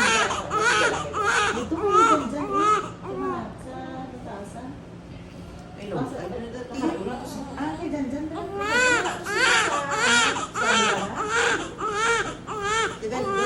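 Repeated high-pitched wailing cries from a newborn, with adult voices in the background in a small room.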